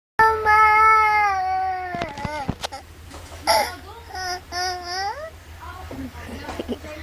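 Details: Infant crying: loud, tonal wails with brief pauses and breaths between cries.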